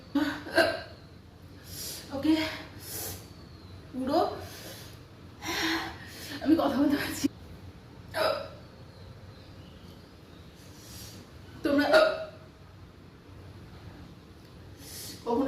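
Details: A girl hiccups after eating extremely spicy food: repeated sharp, abrupt vocal catches with sudden breath intakes, about nine in fifteen seconds, in a quiet room.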